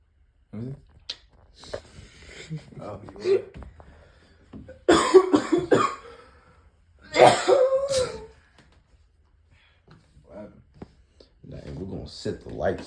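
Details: Loud, harsh coughing fits from an adult after a hit of "strawberry cough", separated by muffled talk and quiet pauses.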